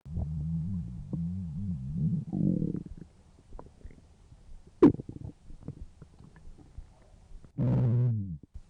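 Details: A woman's stomach growling, replayed from a television comedy: long, warbling low gurgles and rumbles; stomach growling (borborygmi).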